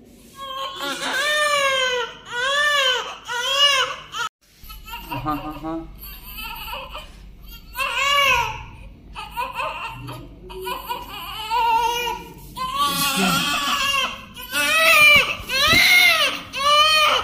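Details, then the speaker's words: Just-born 4.3 kg newborn in hospital, crying from hunger; loud rhythmic crying in repeated bursts about one a second with adult voices nearby; newborn hunger cry. "आ देख सकते क्या हुआ baby आते आते भूख लग गई आते आते भूख लग गई"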